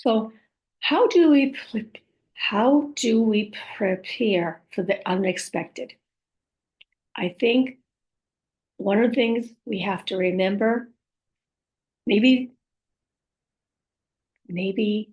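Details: Speech of a female stroke survivor who reports aphasia, apraxia of speech and dysarthria; aphasia with apraxia of speech and dysarthria.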